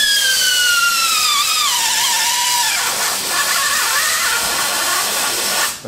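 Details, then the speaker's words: Primary total hip arthroplasty in a woman: power reamer reaching size 13 in femoral canal, loud high whine dropping in pitch and grinding as it bites bone and begins to stall, indicating tight fit. "And it's starting to force. I ream on drill because you can hear it stall out."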